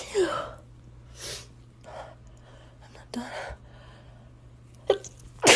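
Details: Lying in bed in the morning, a messy sneezing fit: about five sharp, breathy sneezes with quiet gaps and a steady room hum behind.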